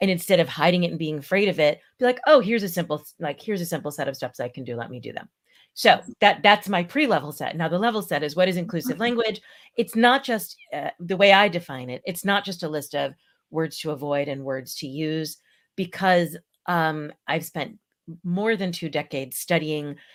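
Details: Adult woman speaking; normal speech.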